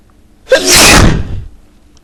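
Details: A single loud, explosive sneeze with a brief intake of breath just before it.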